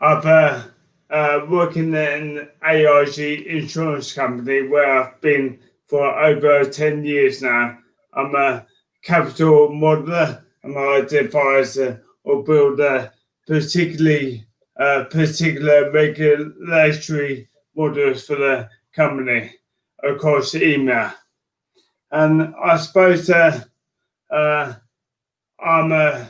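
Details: Adult man with motor neurone disease diagnosed in January 2018; speech changes were an early sign of the disease; dysarthria (motor neurone disease).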